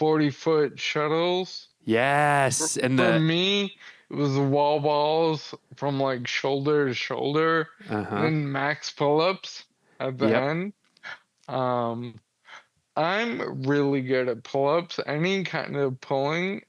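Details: 35-year-old man with Friedreich's ataxia, a progressive inherited neurological disease diagnosed at 19 and affecting muscle coordination; it affects his jaw and tongue movement, noticeable since about age 33-34; wheelchair user; ataxic dysarthria.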